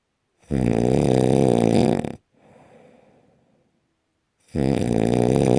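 Very loud, harsh, rattling inhaled snores with a quiet breath out between them; heavy snoring.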